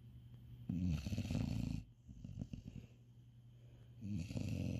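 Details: Snoring in a cat asleep in bed after an exhausting day: low, fluttering snores on the breath, with a softer rumble between them.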